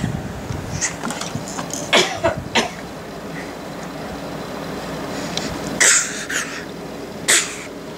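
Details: A nine-month-old boy playfully imitates his grandmother's coughing: short, breathy cough-like bursts in two small groups; imitated cough.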